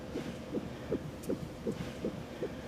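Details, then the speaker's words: Simulated TV-drama scene: a Doppler fetal heartbeat check on a pregnant woman who had not felt the baby move for a day and a half. Rapid, regular whooshing pulses at about 160 a minute, a normal fetal heartbeat. "Let me show your baby's heartbeat. That should reassure you. If we have a listen down here, that's baby's"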